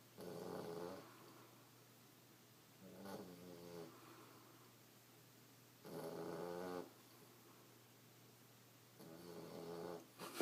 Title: Cutest snoring Australian shepherd puppy